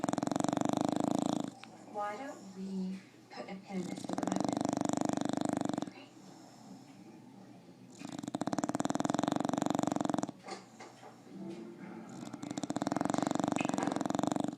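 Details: Bulldog snoring: loud, rattling snores repeating about every four seconds, roughly 16 a minute, with softer snuffling between them.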